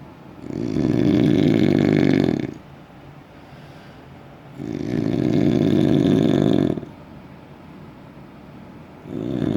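Loud, rough snores with each breath in, about two seconds long, separated by quiet pauses; heavy snoring at roughly 13 breaths a minute.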